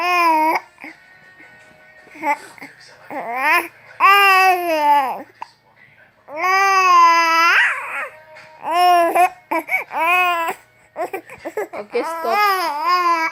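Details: An infant, angry when his phone is taken away, gives loud, drawn-out fussy wails and whines in bursts in a quiet room: an ordinary infant cry.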